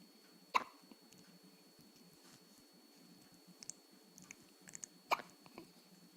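Two sharp, brief hiccup sounds about four and a half seconds apart over quiet room noise; hiccups.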